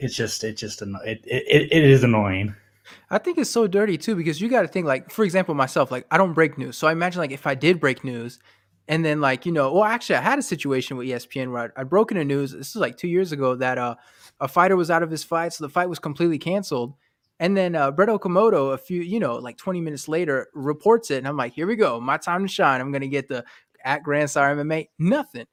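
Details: Adult man speaking; normal speech.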